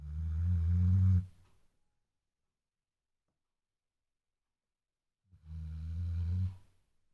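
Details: Two deep, low, rumbling snores separated by a long silent pause; snoring.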